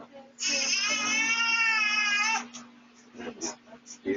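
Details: A baby boy woken by a sneeze: one long, high, steady wail of about two seconds, then soft whimpers and fussing, with a faint steady room hum; a typical infant cry.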